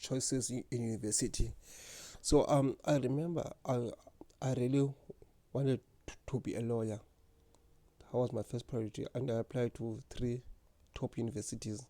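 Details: Stuttering in an adult man who has stuttered since grade 1 or 2.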